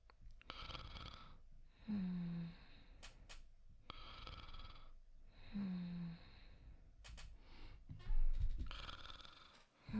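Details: Simulated snoring performed as voice acting for an immersive sleep video: soft, acted snores with gentle rasping in-breaths and airy out-breaths over a few slow cycles, faint room sound, not real sleep.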